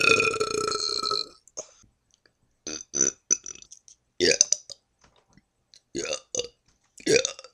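One long loud burp, then several shorter burps and gulping sounds between quiet gaps.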